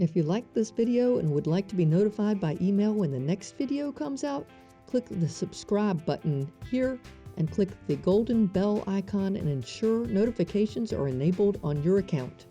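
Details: Adult speaker; typical speech.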